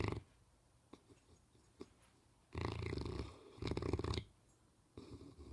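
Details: Dog snoring and dreaming during sleep; two low, rattly snoring breaths with faint soft snuffles and twitch sounds between; snoring.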